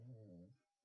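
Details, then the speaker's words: Sleeping dog snoring: a single low, rumbling snore, quiet and brief, in a small room. "you know can you hear my dog is snoring"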